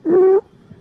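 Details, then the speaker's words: A single brief, loud, high-pitched musical breath noise: stridor, harsh breathing mainly on inspiration, played as an abnormal breath sound teaching example for medical students. "hard breathing mainly seen with inspiration."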